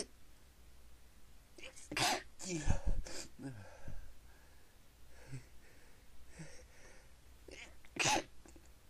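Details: Stifled sneezes while trying to stop: several muffled, sharp bursts of air, some partly held back, with quiet breathing between them.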